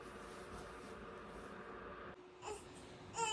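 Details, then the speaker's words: 4-week-5-day-old colicky girl crying again at 2 a.m., feeding little and not sleeping: fussy, whimpering cry over room noise, rising into a louder wail at the end. "अभी यहाँ पे ये देखें रात के 2 बज गए हैं और फिर से इसने रोना शुरू कर दिया है।"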